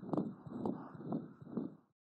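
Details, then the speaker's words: Newborn cardiac auscultation with rapid heart rate near 130/min (normal 120–160) and a continuous machine-like murmur between beats from the closing patent ductus arteriosus; benign in a full-term infant and expected to resolve within days. "Many newborns have a continuous machine-like murmur caused by the closing of the patent ductus arteriosus."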